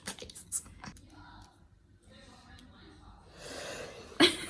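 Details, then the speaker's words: Woman having her eyebrows threaded, which provokes sneezing; quiet room sounds and soft talk, then one sudden, sharp sneeze near the end. Ordinary sneeze. "she's going to sneeze"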